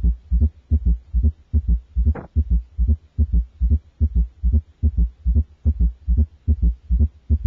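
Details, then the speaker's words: Quadruple rhythm in a child: S1, S2, S3 and S4 in the same patient, regular low-pitched heart sounds grouped in fours each beat. "when the four heart sounds S1 S2 S3 and S4 occur in the same patient they produce a quadruple Rhythm listen now to a quadruple [Music]"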